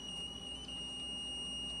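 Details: Weekly manual 30-joule check of a code-cart defibrillator (R Series), charged before a test shock: steady high-pitched electronic tone over room hum; defibrillator charge-ready tone during routine function check.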